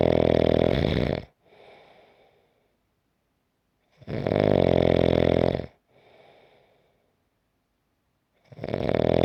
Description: 5-minute clip of snoring.